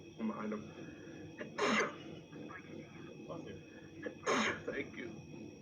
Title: Streamer having issues streaming from sneezing fit.